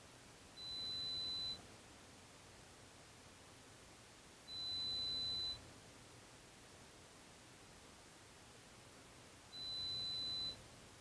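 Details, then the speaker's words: Pure-tone audiometry test tones for an adult client: three steady high-pitched beeps of about one second each at uneven intervals over faint hiss, raised in 5 dB steps until two of three ascending presentations get a response. "At this point, the intensity level is increased in 5 dB increments until a response is obtained. This is repeated until the client has responded to two out of three ascending presentations."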